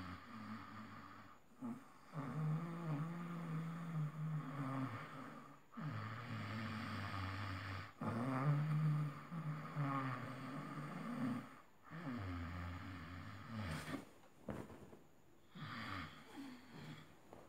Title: loud📣 snoring while sleeping